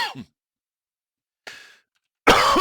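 Three short, harsh bursts separated by silence, the last loud and rough and cut off at the end, consistent with an adult's cough.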